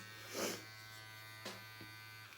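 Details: Steady electric buzz of a Dr. Pen microneedling device at 0.5 mm around the eyes during at-home facial microneedling, with a faint sniff and small handling noises in a quiet room.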